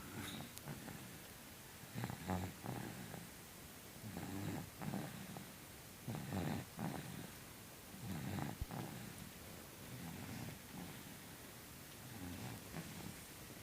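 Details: Repeated low rattling snores, one with each breath at about 30 a minute, over steady room noise; ordinary snoring during sleep.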